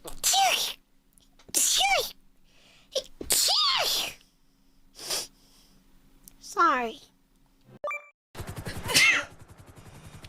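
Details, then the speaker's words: Compilation of sneezes from several different VTuber streamers: a run of separate sharp, voiced sneezes, each with a quick intake and explosive burst. "I have to sneeze. Fuck. Sorry about that. I spray."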